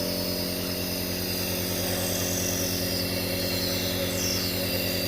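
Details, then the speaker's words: Compressor nebulizer hums steadily and vibrates rapidly while a child with allergic asthma who gets short of breath inhales Ventolin through a face mask at home. "udah mulai keluar asapnya nih. Dihirup nak."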